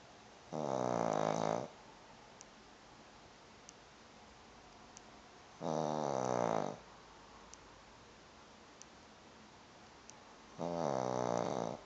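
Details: Repeated snoring during sleep: three loud, rough, vibrating breaths about five seconds apart, roughly 12 a minute, with quiet between.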